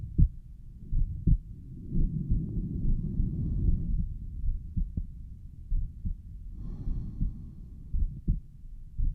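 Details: Self-recorded own heart at the pulmonic valve: muffled heartbeats at about 55 a minute, with rough whooshing filling some beats; the recorder suspects a mid-systolic murmur.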